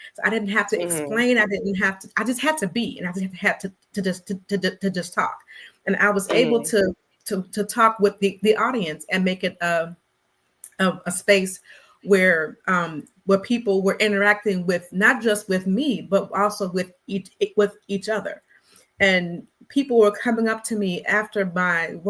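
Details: Stuttering in an adult woman who describes herself as a person who stutters; conversational speech with word and phrase repetitions.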